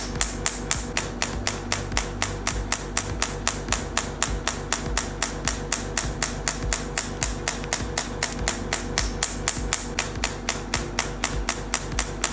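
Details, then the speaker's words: Radial shockwave handpiece (3rd-gen ESWT machine T8+) firing at a marked pain point after gel, fixed-point treatment of about 500 to 600 pulses per point: steady sharp clicking about four pulses per second, soft background music. "Fixed point manipulation of pain points. Fixed point operation in a step-by-step manner. A pain point is about 500 to 600 rounds."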